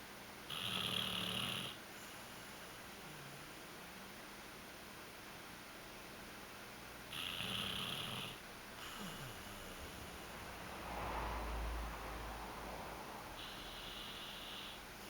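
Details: Rough, raspy noises on the in-breath, repeating about every six seconds over steady room noise; snoring.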